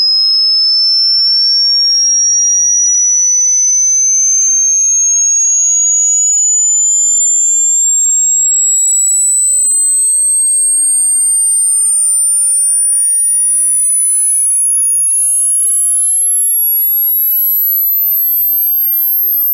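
A pure synthetic tone sliding steadily upward in pitch, a frequency sweep used as a simple hearing-range test.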